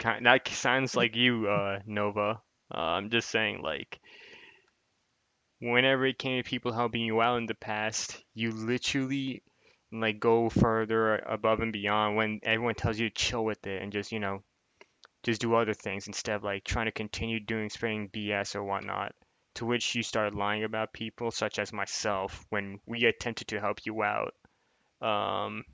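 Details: Adult male speaker; typical speech.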